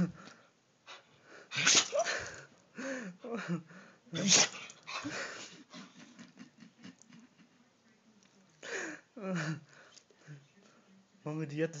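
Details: Dog sneezing repeatedly: sharp nasal sneezes amid snuffling, with a person's voice; owner says it can't stop sneezing.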